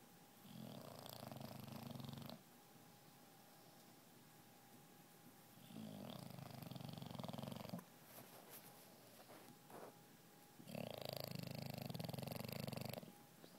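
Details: A sleeping English bulldog snores loudly, with rattling snores lasting about two seconds each at roughly 13 breaths a minute.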